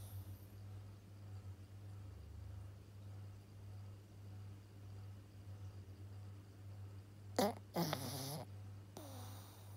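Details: Snoring in a sleeping 7-month-old Pug puppy: steady low rumbling snore with a few brief snorts near the end; snoring.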